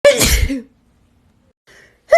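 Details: Sneeze from a girl: one sharp, explosive sneeze with a brief voiced onset, then quiet and the start of another.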